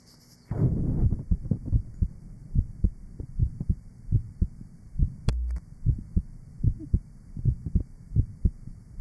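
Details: Heart sounds recorded 1955 at the Johns Hopkins heart sound laboratory, from a patient with rheumatic heart disease and mitral valve disease.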